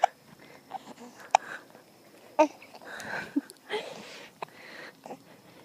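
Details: Several brief, sharp hiccups at uneven intervals among soft breathing from an infant boy during an outdoor walk.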